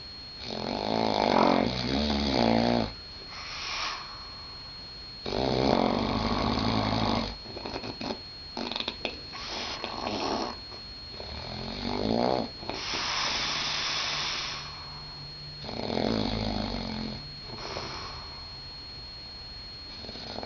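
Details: Man snoring in a room in Las Vegas: loud, rough, rattling snores, about four in twenty seconds, in a quiet room.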